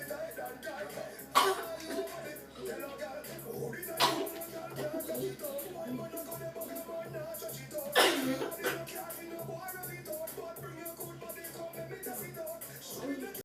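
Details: Upbeat dance music cut through by a few loud, abrupt adult coughing bursts, about three in all, with a huge cough ending the dance.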